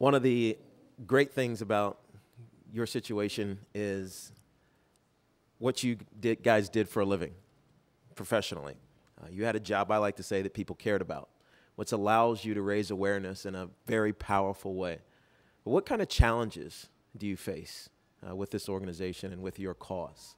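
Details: Adult male speaker; ordinary speech.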